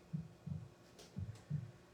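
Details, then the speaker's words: A normal heartbeat playing in the background of a guided meditation, heard after a deep breath in: soft, regular lub-dub pairs at roughly 80 beats a minute. "start with a deep breath in and you may note the sound of the heartbeat in the background"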